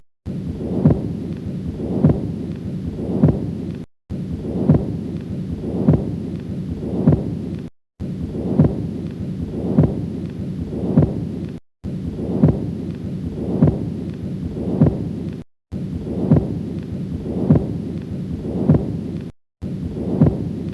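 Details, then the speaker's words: Stethoscope auscultation of heartbeats with a steady whooshing murmur running through both systole and diastole: continuous murmur. "This sound indicates that there is Continous Murmur"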